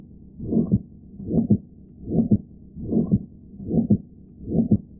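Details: Simulated aortic regurgitation teaching audio: regular heartbeat near 75 a minute with a soft systolic flow murmur, diastolic murmur removed: systolic flow murmur in aortic regurgitation.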